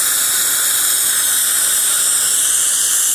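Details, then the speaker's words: Dental handpiece running a green Ceraglaze polisher over porcelain after bite adjustment, removing fine diamond scratches; continuous high-pitched whine. "we're going to go in there and just remove any diamond scratches that may be in the porcelain just a little refining"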